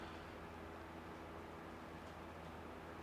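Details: Endoscopic microsuction of ear wax from a narrow ear canal: continuous low suction roar with faint hum as large wax pieces are removed.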